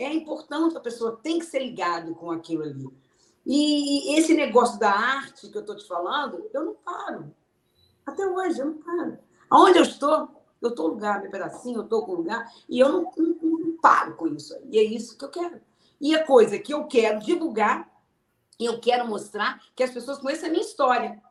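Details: Aphasia in an adult woman, a sequela of a stroke suffered 12 years earlier; she had to relearn to speak, understand, read and write.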